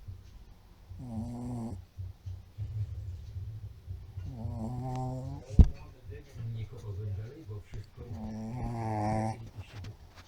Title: Mops FUNNY chrapie/ Pug snores compilation